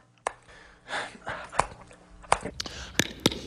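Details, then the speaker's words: Man with Tourette syndrome, recording from before he overcame it: abrupt bursts of sniffs, gasps and short throat noises plus repeated words, i.e. vocal tics. "geez geez [ __ ] [ __ ] [ __ ] I have Tourette's by the way just throw that out there okay"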